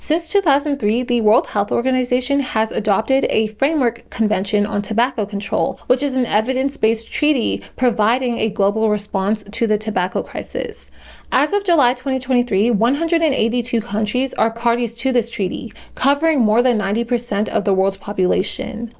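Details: Adult woman narrating; ordinary speech.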